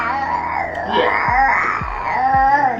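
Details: Short fussy cries and whimpers from a breastfed infant, with room echo behind them; infant crying.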